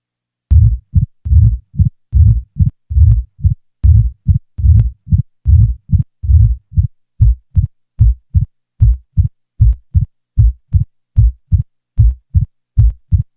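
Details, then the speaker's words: Simulated mitral stenosis heart sounds at about 74 beats a minute: presystolic accentuation is added, then an opening snap, a sharp early diastolic sound after the second heart sound. "now a pre-systolic accentuation is added followed by an addition of an opening snap"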